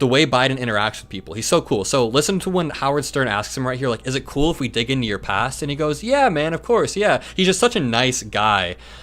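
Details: Adult male speaker; Normal speech.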